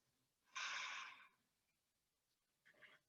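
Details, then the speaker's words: A dog's loud, rough, hissing snore, then a quieter snort after a pause, as it sleeps in a quiet room during a yoga session. "if you can hear snoring that's not me that's my dog he's obviously finding this practice very calming"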